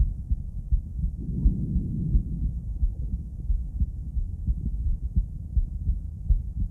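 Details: Female heart auscultated with different stethoscopes at Erb's point, then mitral, tricuspid, aortic and pulmonic sites: low, muffled heart sounds at roughly 85 per minute with some rubbing noise; normal heart sounds.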